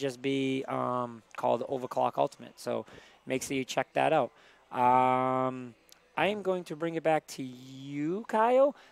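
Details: Adult male speaker; normal voice.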